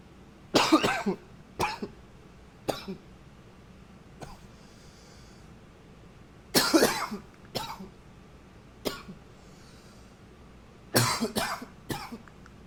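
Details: Coughing recorded with a new high-fidelity microphone: three clusters of sharp, dry-sounding coughs, about eleven in all, with quiet pauses between.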